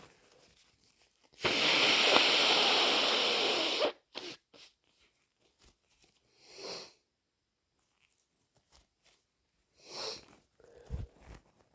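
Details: Person with a worsening head cold and congested sinuses sneezes into a tissue: one long, forceful hissing sneeze, then snuffles and stuffy, snotty nose blowing. Sneeze with nasal congestion.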